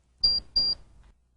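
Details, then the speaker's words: Two short high-pitched electronic beeps from a Welch Allyn SureTemp Plus 690/692 electronic thermometer, signalling measurement mode selection. "when a final predictive temperature has been reached the unit beeps and the temperature displays"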